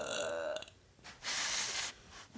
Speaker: We're about to have a burping challenge. She's gonna burp first.